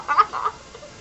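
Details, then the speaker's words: Person with bad hiccups: two quick, squeaky, croaking voiced bursts in close succession, sounding like a chicken clucking. "so I have really bad hiccups and they're like I sound like a chicken"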